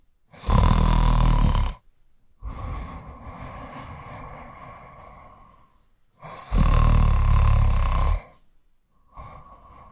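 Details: Snoring sound effect: loud, rattling snores on each in-breath with quieter out-breaths, about ten breaths a minute.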